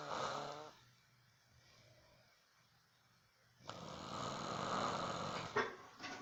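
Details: Mother snoring: harsh rattling snores on the breaths in, separated by quiet pauses, in a small room.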